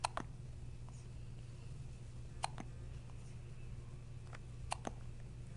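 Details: Sharp, brief hiccups, some in close pairs, about every two seconds over a low room hum: hiccups.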